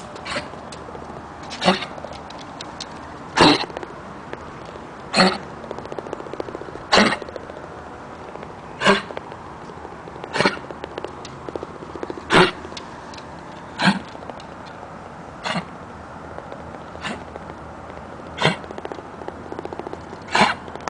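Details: Older dog, Prescott, with a persistent cough later found to be due to lung cancer: repeated short dry cough bursts, about twelve over twenty seconds; chronic cough.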